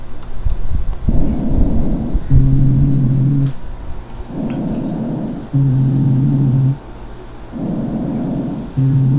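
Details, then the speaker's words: Coarse, low-pitched, harsh, musical snoring breath sounds in a regular cycle, mainly on expiration, from the larger bronchi. These are rhonchi, as in obstructive disease such as chronic bronchitis. "o que se den ustedes cuenta un ruido áspero musical agudo un grueso espiratorio básicamente porque porque recuerden que en las enfermedades obstructivas el problema es para sacar el aire"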